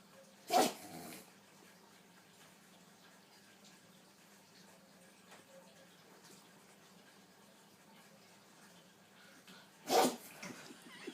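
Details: Two sharp, explosive sneezes from a pug about nine seconds apart, with quiet room noise between them.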